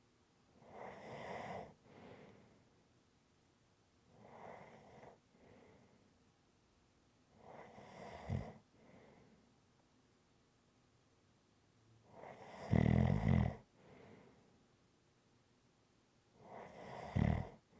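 Regular rumbling snores, five in about 18 seconds, roughly 17 a minute, some ending in a louder snort.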